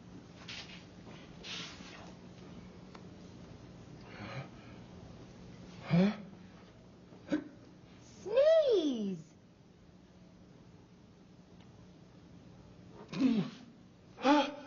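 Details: A man's big sneeze from a mid-1970s episode of The Electric Company: quiet breathing and small noises build to one loud, drawn-out sneeze with a rising and falling voiced sweep, then brief follow-up sounds.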